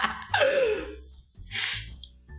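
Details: Sneeze deliberately triggered on command by tickling the inside of the nose: a sharp inward gasp, then an explosive sneeze, with brief background noise.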